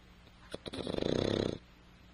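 One loud, rattling snore on a drawn-in breath, lasting about a second, in a quiet room.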